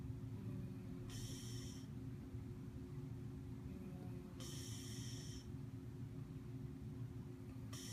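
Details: Regular hissing sleep breaths about every three seconds over a steady low room hum, from an older woman asleep in a hotel; light snoring.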